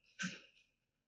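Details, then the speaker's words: A pet having a tough cough day gives a single short, explosive, breathy burst in a quiet room; a cough, for which the owners avoided cough medicine because it sedates him. "so i'm sorry keith is having a tough cough day can you hear him"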